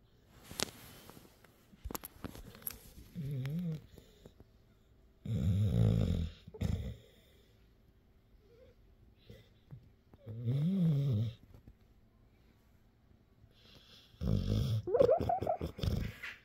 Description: My pup CopperTop is just getting some much needed rest. Yes this is his normal snoring...lol.